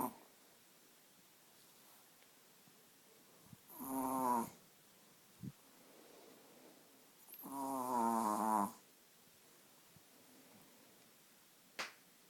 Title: Den snarkande chihuahuan / snoring chihuahua